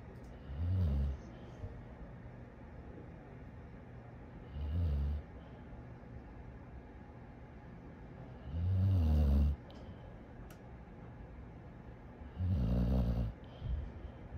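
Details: Sleeping dog snoring like a human: deep, low rumbling snores, four in about fourteen seconds (around 15 per minute), with quiet pauses between.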